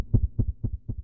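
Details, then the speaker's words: Adult man with tachy-brady syndrome, about one week after pacemaker implantation: very fast, regular paired heart sounds at about 240 beats a minute, extreme tachycardia with blacking out. "So ultimately what happened is I did get a pacemaker put in and that controlled the stopping, but about a week after my pacemaker was put in, if you can hear those heartbeats,"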